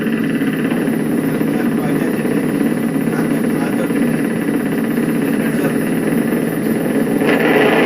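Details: Needle EMG in a patient with hoarse spastic speech, possible adductor spasm, dysphagia and facial palsy, discussed as possible pseudobulbar palsy; continuous motor unit activity.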